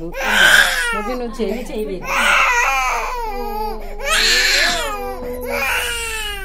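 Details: Loud, high-pitched repeated long wails from a baby receiving an injection; infant pain cry.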